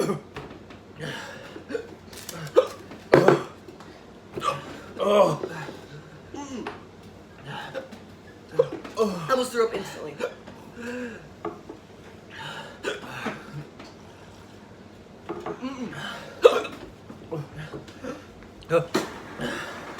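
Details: Hiccups after eating a very spicy chip in the One Chip Challenge: repeated abrupt hiccups break into ongoing talk and laughter indoors; hiccups.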